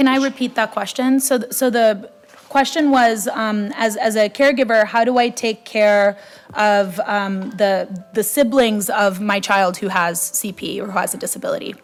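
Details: Adult woman speaking; typical speech.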